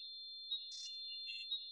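A steady high-pitched ringing tone with scattered beeps and chirps layered over it, a simulation of tinnitus.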